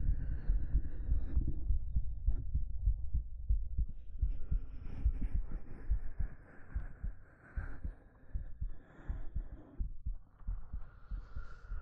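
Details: Soft, steady low thumps at about 72 a minute, with fabric rustle and low hum, recorded with a 3Dio binaural microphone for an ASMR hug roleplay; a normal resting heartbeat.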